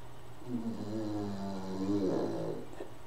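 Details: Pug sleeping, snoring into a microphone: low, steady rumbling snore with a louder snorting breath near the end; snoring in a flat-faced dog.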